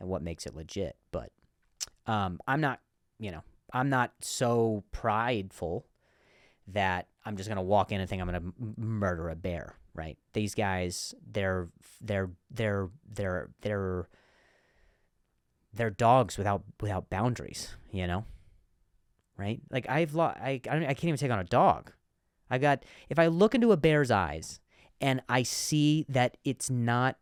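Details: Comedian who stutters, speaking in a podcast monologue; stuttering with audible word repetitions.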